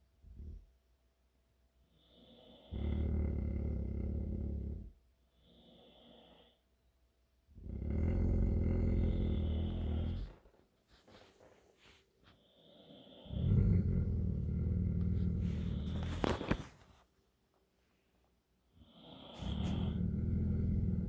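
Long rumbling snores alternate with softer breaths about every five seconds, with one brief snort; this is snoring, possibly with some growling.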